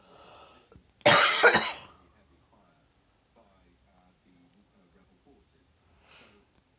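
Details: Human's single loud, harsh deliberate cough, then quiet with faint clicks and chirps as a sleeping pet (Chewbacca) reacts by clacking teeth and chirping.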